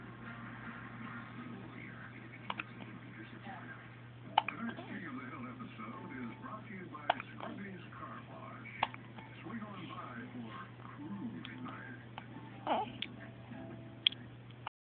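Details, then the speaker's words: Baby girl with hiccups: soft, sharp hiccup clicks every few seconds amid quiet talk and room hum; hiccups. "You got the hiccups, little girl. Oh, goodness. Oh. Hiccup. Hiccup. Hiccup."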